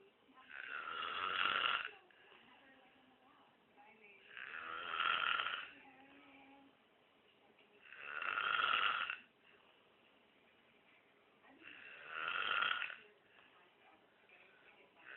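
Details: Monkey snoring during sleep: four regular, rough, buzzing snores, about 16 a minute, with quiet pauses between.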